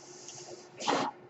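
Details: Podcast host's own mechanical ventilator heard while he speaks: steady low hiss, then a brief rushing puff of air about a quarter second long as the ventilator cycles.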